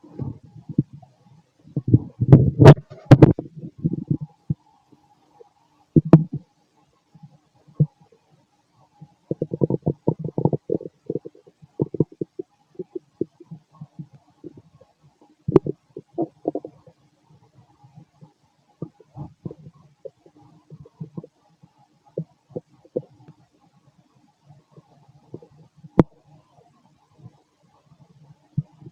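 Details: Fit adult male's abdomen just after a bowel movement: irregular low gurgles and rumbles, ordinary active bowel sounds (borborygmi).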